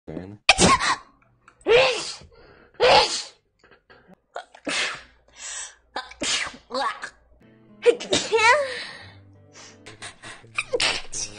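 A rapid run of short, high-pitched sneezes with brief breaths between, then a voice and faint music; repeated sneezing.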